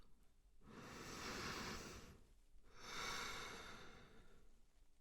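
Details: Two slow, soft, airy breaths with no wheeze or crackle, in an acted (simulated) pregnancy check-up ASMR roleplay: normal, clear breathing.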